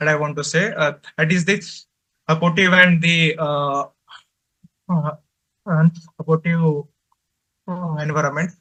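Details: Male adult presenter from a stammering association who says he stutters and finds speaking difficult, especially with different people; stuttering.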